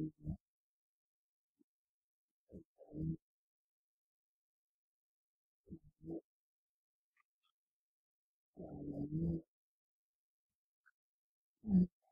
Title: いびきをかいて寝る猫 Cats sleep snoring